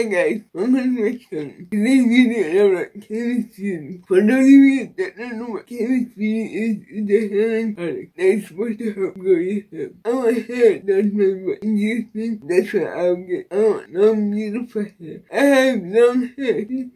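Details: Woman with cerebral palsy and a Baclofen pump, previously hospitalized after a Baclofen pump overdose; dysarthria (cerebral palsy).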